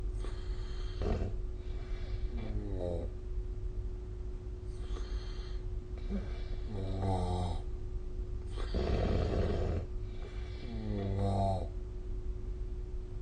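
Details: Sleep snoring recorded with the SnoreLab phone app: repeated rough, fluttering inspiratory snores about every two seconds over a steady background hum. Snoring.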